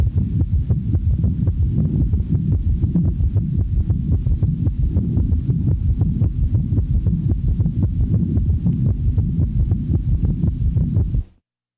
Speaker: the following example demonstrates an s3 in a patient manifesting congestive heart failure since the heart rate is rapid one of the first compensatory mechanisms of failure one has the impression that there are three sounds with each cardiac cycle